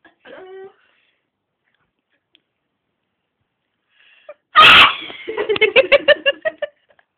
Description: me sneezing reallly loudly!